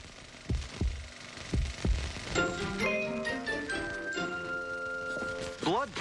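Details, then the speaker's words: Normal heart sounds via stethoscope during a check-up exam: two paired lub-dub beats at about 60/min, valves opening and closing, then music takes over. "Using my stethoscope, I can hear the valves of your heart opening and closing as your heart pumps blood to your body. Listen."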